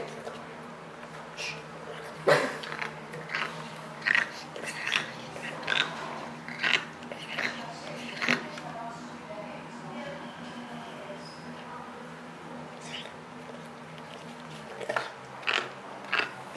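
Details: Irregular sharp clicks and scraping bursts over a steady indoor hum: teeth grinding after eating in a hyperthyroid cat, congested for a few weeks (blocked nasal passages suspected); bruxism.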